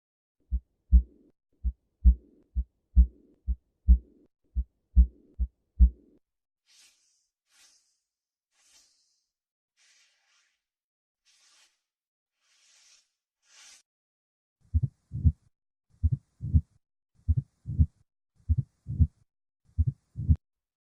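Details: Normal heart sounds: regular paired low S1-S2 thumps at about 70 a minute, in two runs separated by a quiet gap.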